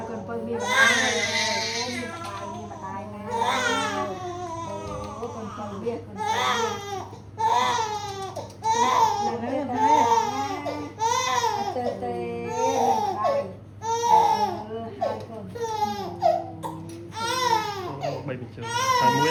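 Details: Crying of a 3½-month-old baby boy after his routine vaccination: loud, sustained wailing bursts with adults talking over it in a small room.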